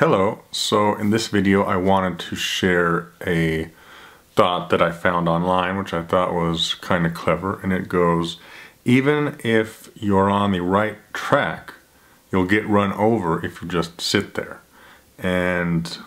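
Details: Adult man who stutters and tells a caller he has a speech problem; repeated word and long silent gaps that may be blocks; stuttering.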